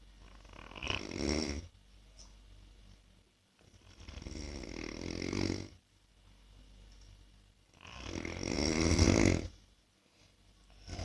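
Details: Man who calls himself a chronic snorer, recorded while trying anti-snoring devices: low, rumbling snores on three breaths, with quiet pauses and faint room noise.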